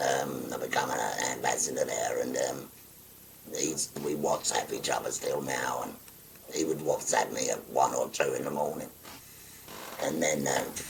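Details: Tracheoesophageal speech in a 57-year-old man after total laryngectomy for stage four laryngeal cancer spread into the thyroid; he uses a voice valve with button occlusion and sometimes an electrolarynx.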